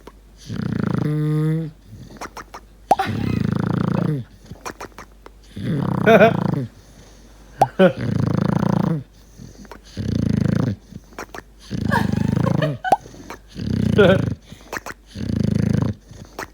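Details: Sleeping bulldog, flat-faced airway, snores loudly with wet rattling snores about every two seconds, roughly eight in sixteen seconds, with bubbling snorts, blowing bubbles; snoring.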